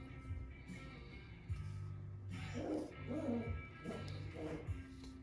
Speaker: our dog sneezing yeah i thought he had some kind of breathing problem but turns out that's what it sounds like when our dog sneezes